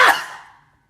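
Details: A single sudden, loud, explosive sneeze with a voiced tail fading over half a second, from an adult man during a late-night livestream.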